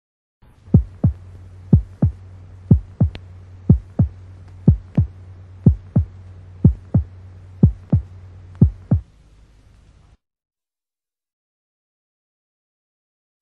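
Sharp paired heart sounds at about 60 a minute over a low steady hum, with an extra snap after the second sound: mitral opening snap of mitral stenosis.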